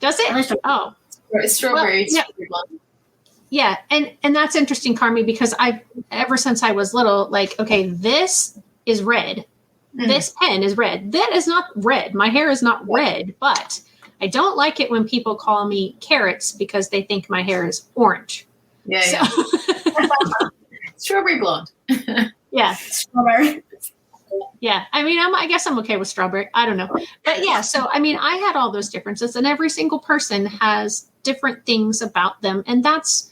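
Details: Adult woman speaking; ordinary speech.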